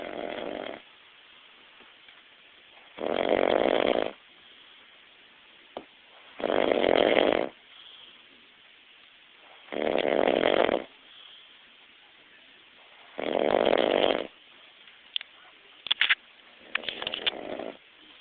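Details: Adult man snoring during a nap: regular loud rasping snores about every three seconds, roughly 18 a minute, with quiet gaps between.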